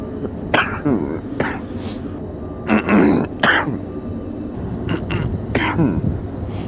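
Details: Sick man with an extremely stuffy nose gives several deep, loose, rattling coughs and throat clearing: a wet, productive cough.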